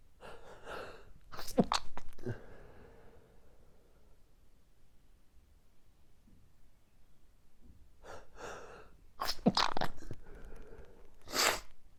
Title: Morning Allergy Sneezing Fit